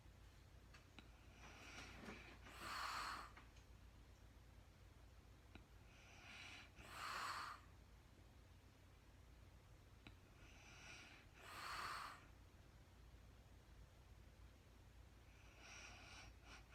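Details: Woman recorded in real time sleeping through the night, very tired, not talking: quiet snorting snores about every four to five seconds, around 14 breaths a minute, over steady room hum; snoring.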